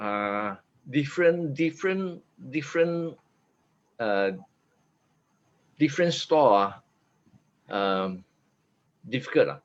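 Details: 50-year-old man after a stroke in June 2018, with aphasia and apraxia of speech initially so severe he could not articulate a sound, now much recovered: aphasia with apraxia of speech.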